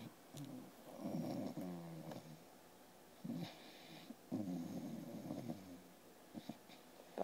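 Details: English Bulldog asleep on a computer, snoring with rhythmic rattling, snorting breaths, about two loud cycles in seven seconds.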